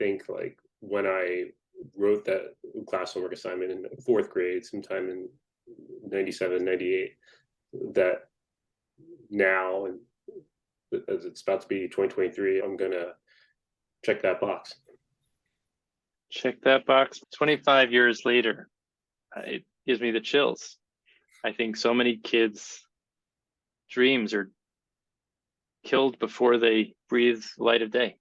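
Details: Adult man who stutters, speaking in a podcast interview: stuttering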